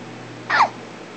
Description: As usual, baby has hiccups after being a little piggy.